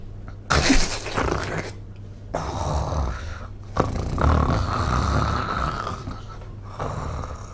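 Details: Simulated rough, rumbling inhaled snores, about four in seven seconds with short gaps, acted in a nursing-assistant training case of nocturnal snoring related to obstructive sleep apnoea syndrome: snoring.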